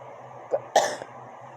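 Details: Cough at about 1 a.m. in a quiet room from a person woken by persistent coughing, who attributes it to chemical gas smell near a humidifier: a brief catch, then one forceful rough cough.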